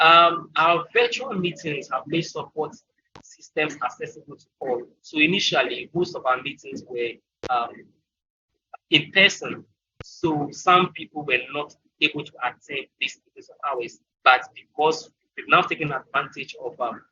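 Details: Speaker from Ghana who stammers, presenting on an African stuttering support group; frequent fillers and broken phrases; stuttering.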